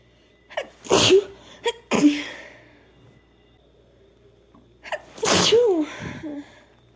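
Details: Female sneezing bout: quick inhalations, each followed by a sharp voiced sneeze, several in a row.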